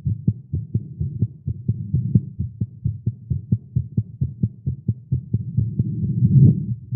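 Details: Male's rapid low thumping heartbeats with uneven spacing and some noise, recorded live after exercising with caffeine; tagged irregular heartbeat; fast heartbeat.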